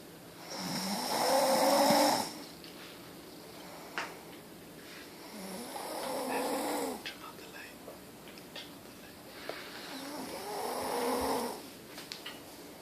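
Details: Three loud, rough, rattling snores at slow, irregular intervals, about 13 a minute, with quiet breathing between them; snoring.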